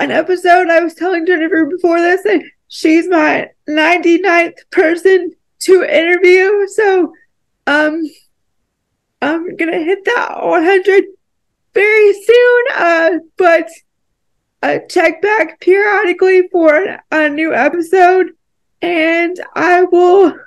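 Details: Dysarthria in a woman with cerebral palsy, which she describes as a more severe form that makes talking harder.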